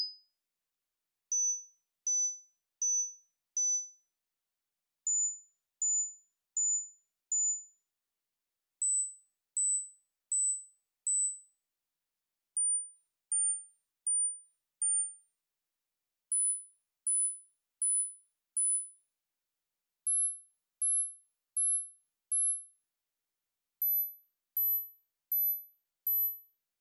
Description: This video has tones at 1000Hz intervals to help identify tinnitus frequency.